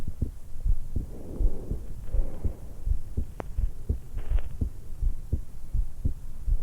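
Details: 20-year-old woman lying supine in bed right after waking, stethoscope microphone at the suprasternal notch: regular soft heartbeat about 82 a minute with faint breath sounds; normal heart and breath sounds.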